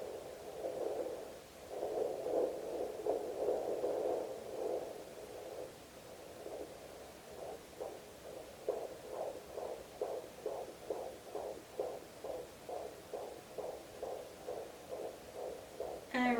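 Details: Fetal heartbeat at 17 weeks (third pregnancy) on home pocket Doppler (Jumper JPD-100S6), baby lying low and right: fast, regular whooshing pulses near 135–145 a minute, normal fetal range.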